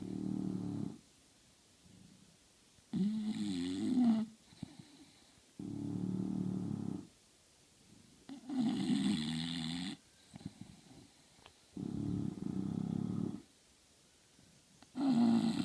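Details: A sleeping English bulldog snores with rhythmic low rumbling and wheezy snorting on alternate breaths: snoring.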